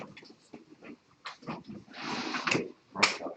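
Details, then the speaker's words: Stomach growling (borborygmi) in a quiet classroom: irregular gurgling, squeaky rumbles and bursts from a person who says they already ate but feel hungry. "Oh, that's what that ground was. Yes, that's my stomach. Oh my god. No, it's mine, because My stomach is eating all the time."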